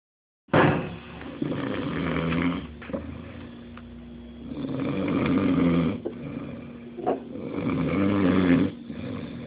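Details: Rough, rattling snores from a sleeping dog in long drawn-out cycles, roughly three in nine seconds, with a low buzzing vibration on each breath: snoring.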